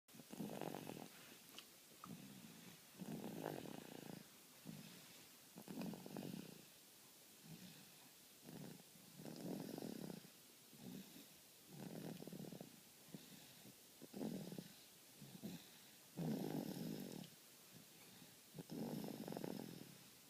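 Soft, rapid, rumbling snores, each about a second long, repeating steadily every 2 to 3 seconds in a quiet room: light snoring.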